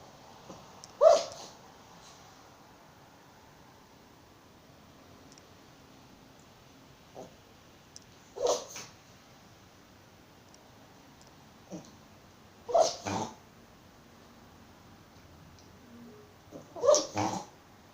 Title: Чихуахуа кашляет!) Chihuahua coughs!)